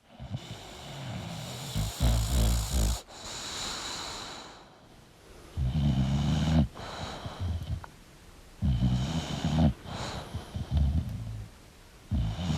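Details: Sleeping English Bulldog snoring: low, rattling snores and snorts, irregular, about 16 a minute, with soft music behind.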